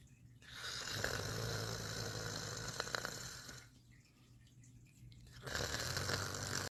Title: so cute koda snoring!